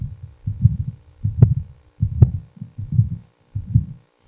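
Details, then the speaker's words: Paediatric patent ductus arteriosus at left upper sternal border near pulmonary area: low continuous machinery murmur through each beat at about 78 a minute, very soft S1, loud P2. "Right. Now, what should you concentrate on? The first heart sound is very soft. You may not hear it. And the pulmonary component of the second heart sound is loud due to increased pulmonary blood flow."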